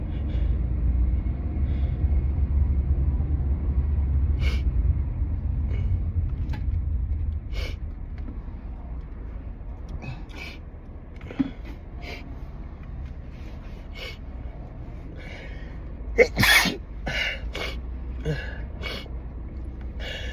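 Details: Allergic sneezing fit in a car, set off by a strongly scented synthetic air freshener after high pollen and wedding flowers: engine rumble, stifled bursts and sharp inhaled gasps, then a cluster of muffled sneezes.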